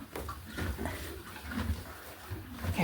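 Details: Normal gut sounds (borborygmi) from a mare while eating, audible from across the room: low rumbling and gurgling from the belly, showing active digestion.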